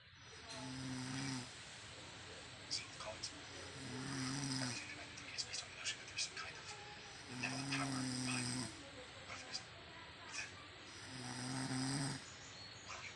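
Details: Loud, low, rattling snores on breathing in, about four over thirteen seconds, with quieter breathing between; a sleeping adult woman snoring.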